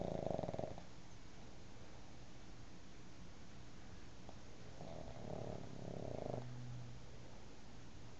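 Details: Pug sleeping and dreaming on a bed beside a cat: quiet, low rumbling snores with soft snorting breaths over steady background hiss; snoring.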